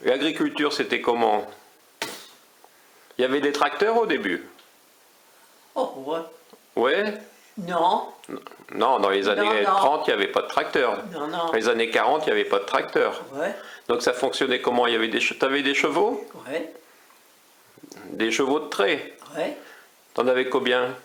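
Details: Two adults talking in French; conversational speech.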